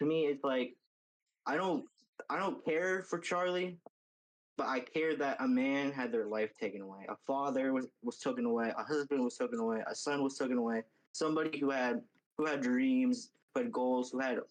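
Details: Adult speaker; plain speech.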